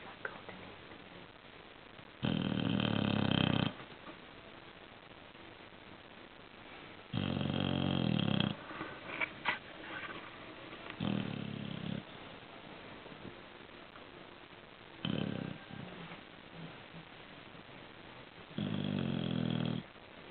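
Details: Sleeping bulldog snoring: loud, rough snores roughly every four seconds, with quieter snuffling breaths between them.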